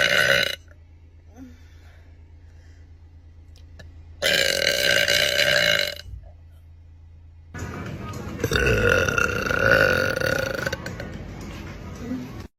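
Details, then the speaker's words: Female deliberately burping: three loud, drawn-out belches, the last about five seconds long, with quiet room noise between them. "surely people haven't T that was a big one"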